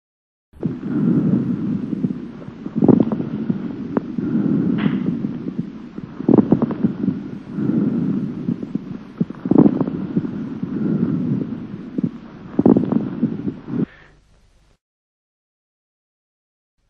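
Repeated breath sounds with scattered moist popping crackles through each breath, over mixed bronchovesicular breathing: medium crackles.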